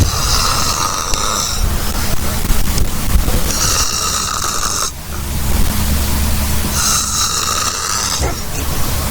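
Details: Loud, harsh, rattling snores roughly every three seconds over heavy background noise; snoring.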